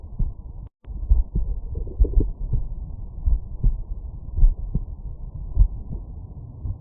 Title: Heartbeat auscultation stethoscope heart sounds mitral valve laying right side